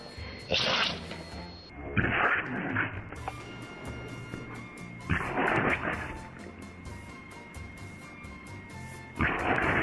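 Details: Dog that can't stop sneezing: several sharp, hissing sneeze bursts repeating every few seconds over background music; repeated sneezing.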